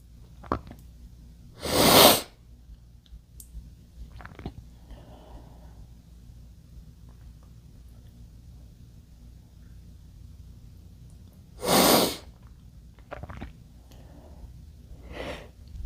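Two loud, sharp sneezes about ten seconds apart, each with a brief breath in before it, in a quiet room.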